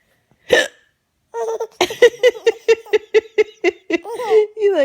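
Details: Mother with hiccups, laughing: a sharp hiccup, then a rapid run of short voiced bursts mixed with laughter.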